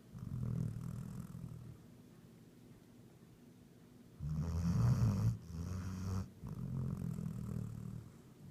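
Low, rumbling snores in a sleeping dog, deep and throaty, with soft breathing between; ordinary snoring.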